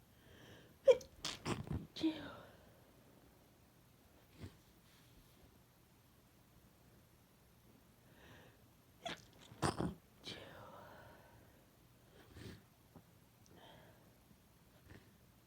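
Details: Induced sneezes from an adult with a cold, very congested with a sensitive nose: two bursts of sharp, forceful sneezes with sniffing and breathy catches between them.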